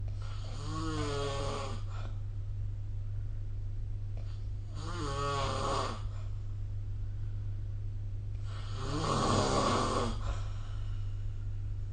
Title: 🐽 Snoring Sleep Sound